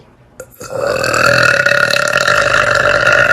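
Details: Burping in someone's face: one long, loud, drawn-out belch lasting nearly three seconds, followed by "excuse me"; burping.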